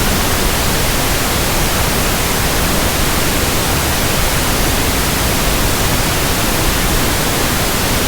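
Steady, soft, even hiss with no breaks, a pink-noise imitation used to match persistent background tinnitus.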